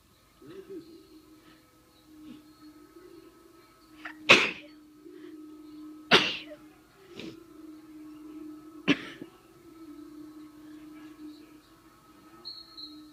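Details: Sneezing with a head cold that has turned into a chest cold, where sneezing triggers coughing: three sharp, explosive sneezes over a faint steady hum, then a fourth softer burst.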